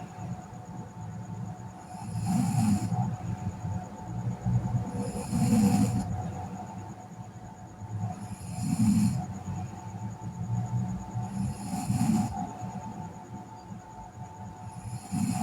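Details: A sleeping girl snores softly and regularly with each breath, about 19 a minute, over a steady background hum.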